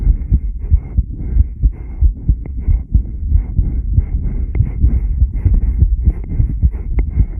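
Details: Heart sounds from a 10-lead recording during rebreathing, subject B1: muffled low thumps at about 92 per minute, partly masked by rumbling noise.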